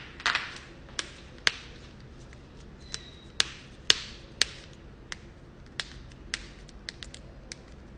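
Sharp, irregular cracks and pops from adult joints being moved, typical of harmless joint cavitation.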